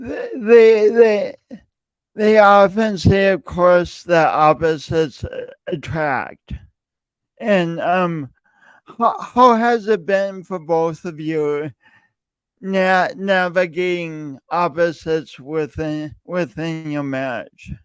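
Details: Male speaker who self-reports an audible speech impediment present whenever he speaks, with part-word and word repetitions; stuttering.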